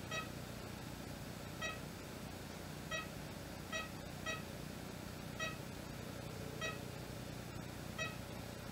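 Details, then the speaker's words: ECG monitor beeps from a calm female dog held by her owner, showing a nice slow, normal canine heart rate. "go she's got a nice slow heart rate she's nice and calm this is her owner restraining her so that might be part of [Music] it so normal heart rate on"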